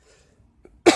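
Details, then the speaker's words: Cough from a person with Tourette's who has been sick for about a week with low energy, stuffy, scratchy nose and body aches; after near silence, a single sharp, loud cold-like cough. "so I've been sick for like a week now it's getting really annoying started off with like lack of energy didn't like stuffy and scratchy nose body aches"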